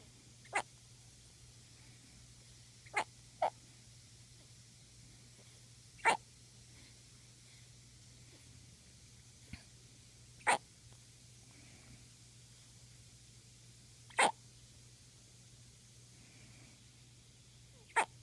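Sharp, brief gulping bursts at irregular intervals, about 16 a minute, over a steady low hum: hiccups.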